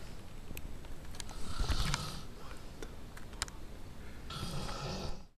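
Two low, rumbling breathing noises in a noisy room with scattered clicks; soft snoring during sleep.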